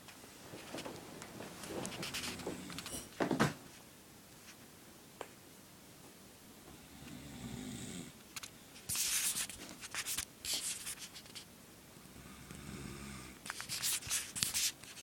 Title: Roommate who snores [eng] / persona che russa [ita]